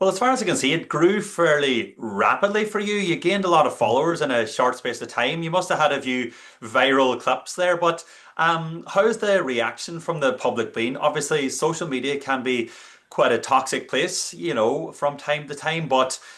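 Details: Adult male speaker; Normal fluent speech.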